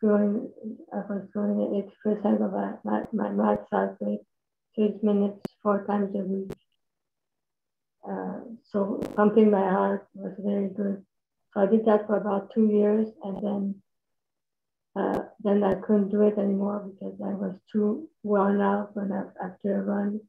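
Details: Dysarthria in a woman with multiple system atrophy (parkinsonian type) diagnosed in 2019; motor symptoms came first, then handwriting decline, then speech became badly affected.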